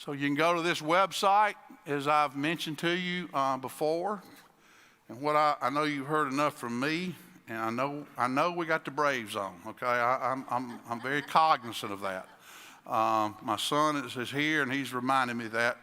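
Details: Adult male speaker; Typical speech.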